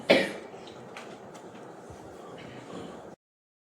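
A single sharp throat-clearing burst from an adult, followed by quiet room noise.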